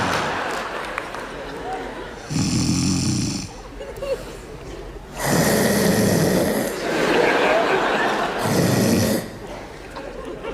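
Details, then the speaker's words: Female pet, species unclear (cat or dog), snoring in a room while someone remarks that princesses don't snore: repeated loud, rough, snorting breaths with a hissing edge, one every couple of seconds. "Принцессы не храпят как она это делает чем она это"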